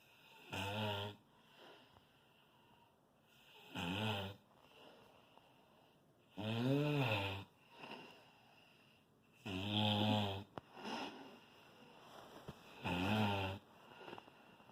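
Loud, rattling snores repeat about every three seconds, roughly 19 a minute, with quiet breathing between them.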